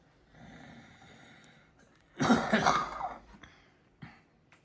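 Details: Person with a raspy voice and something raspy in the chest: soft breathing, then a harsh, rough coughing bout of a few merged coughs and two brief smaller coughs; a rough, chesty cough.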